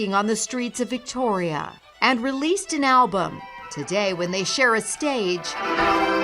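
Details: Adult female narrator; normal speech.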